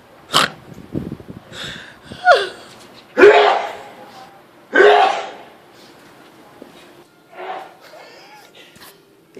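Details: Adult man's sneezing fit: about five loud, explosive sneezes in quick succession with quieter sounds between; long sneeze attack.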